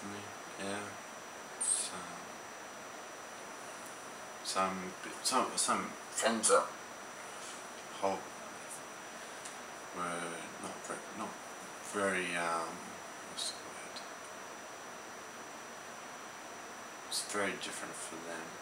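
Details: Young man with aphasia after an ischemic stroke at age 15; aphasia.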